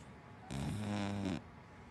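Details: Snoring from a big black female dachshund–black Labrador mix dog: one long, low, rattling snore on an in-breath, with quiet breathing before and after.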